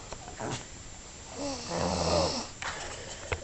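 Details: Morgan, who is sick, snoring: a single low rattling snore lasting about a second, with soft breath noise and rustling around it; snoring.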